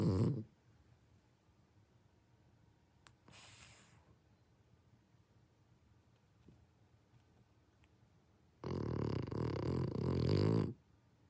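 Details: Sleeping French Bulldog, brindle, snoring as loudly as an old man; loud, harsh, rattling snore in a long burst near the end, with quiet breathing between; heavy flat-faced-dog snoring.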